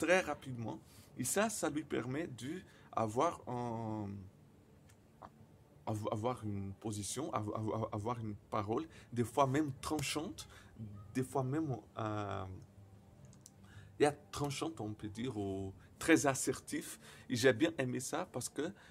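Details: Man who stutters, speaking non-native French; he says his stuttering very often involves silent blocks; stuttering.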